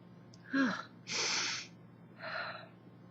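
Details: Voiced intake, forceful explosive sneeze, then softer breathy exhale from a 24-year-old woman with summer allergies; recorded on an old phone with distorted sound.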